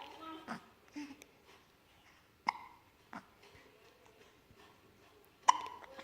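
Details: Baby hiccups: about five sharp, brief hiccup bursts in six seconds amid soft baby sounds in a quiet room.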